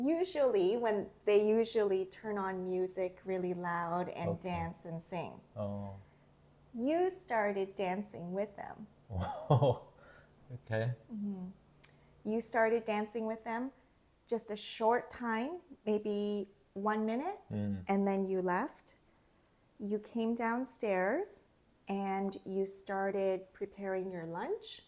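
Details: Adult woman speaking; ordinary speech.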